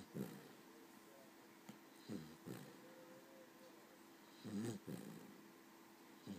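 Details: Short, low snorting snores about every two seconds from a small female Cavalier dog asleep after a long day, over a faint steady room hum; snoring.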